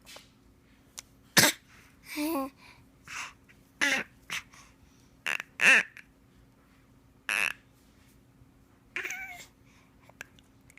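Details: Infant learning to fake cough: several short, breathy cough-like bursts between high, squeaky vocal sounds, a deliberate pretend cough.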